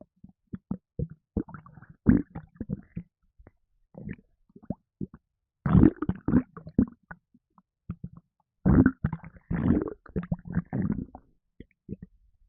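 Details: Stomach after drinking a can of Red Bull energy drink, causing gassiness: irregular low gurgles, bubbling pops and sloshing rumbles in clusters; stomach gurgling (borborygmi).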